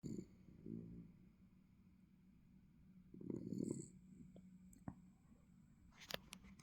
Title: Snoring Norman, the Norwich Terrier.